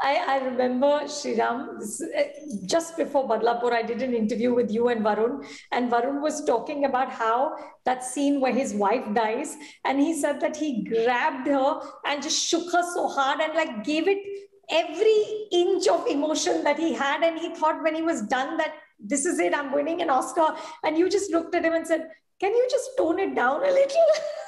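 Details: Adult woman; normal speech.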